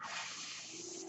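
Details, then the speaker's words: Real podcast recording in which the speaker explains that the noise heard is his own mechanical ventilator; a steady, soft airy hiss with a faint underlying hum throughout, the ventilator's airflow; mechanical ventilator noise. "my name is brynan bard that noise you hear he's my ventilator and thank you for tuning in to page terminus"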